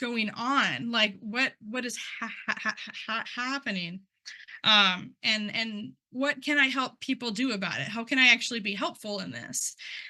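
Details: Adult who stutters, involved in stuttering communities for about 10 years, presenting at a stuttering event; repetitions of words and part-words heard; stuttering.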